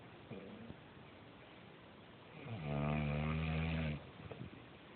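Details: Adult woman (wife) snoring: a single loud, low, rumbling snore on an in-breath against quiet room noise.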